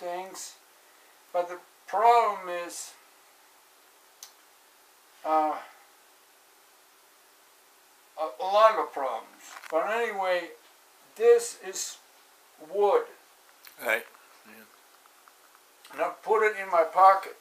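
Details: Adult with aphasia after a stroke in 2007, recorded in 2016; repeated words and word-finding trouble. Aphasia after stroke.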